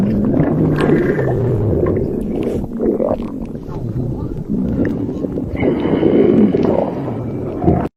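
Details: Borborygmi from an empty stomach: low, drawn-out gurgling and rumbling with shifting pitch, a normal hunger sound.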